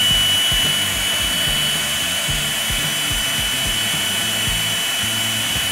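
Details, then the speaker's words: Steady high-pitched whine with faint rhythmic rattling from a ROSE 201CA contra-angle dental handpiece mounted on a running micromotor, bur held by a rotary latch. "Устанавливаем наконечник на микромотор. Фиксируем борт с помощью поворотной защелки. Включаем микромотор."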